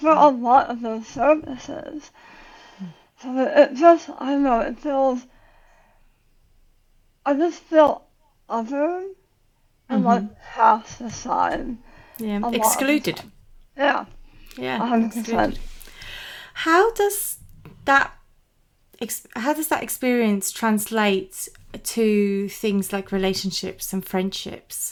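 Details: Adult woman about 9 years after tongue cancer surgery and radiation, who had to relearn how to talk; articulation difference after glossectomy.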